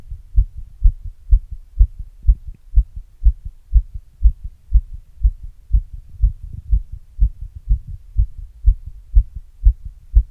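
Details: Clear, regular, fast heartbeat thumps at about 120 a minute; normal heart sounds quickened after exercise, self-recorded with an earbud microphone and a glass.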